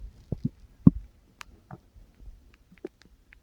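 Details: Short low gurgles and a few faint squeaks in quick succession, recorded while the stomach kept growling; ordinary stomach growling (borborygmi).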